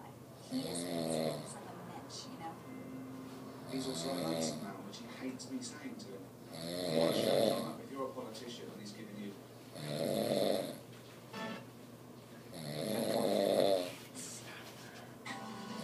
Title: My friend's dad snores!